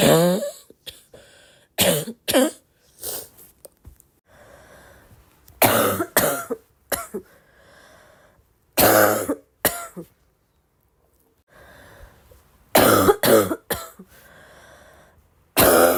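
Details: Sick girl's congested barky cough: harsh, barking coughs in short clusters, with congested, rattly breathing between them.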